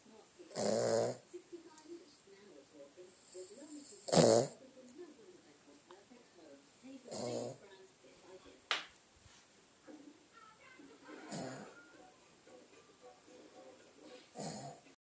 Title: Who's Snoring?